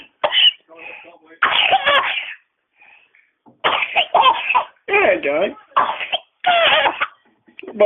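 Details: Baby girl laughing and coughing together.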